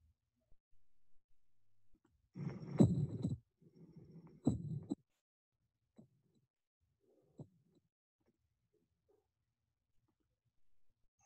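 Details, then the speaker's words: Soft versus loud first heart sound (S1), as in late mitral stenosis with rigid, calcified leaflets versus early mitral stenosis: faint low heart sounds followed by much louder ones. "a soft s1 can be seen in the later stages of mitral stenosis when the leaflets are rigid and calcified"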